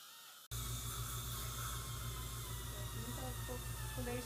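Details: Steady high hiss and whine over a low hum with running water: an ultrasonic scaler during a dental cleaning.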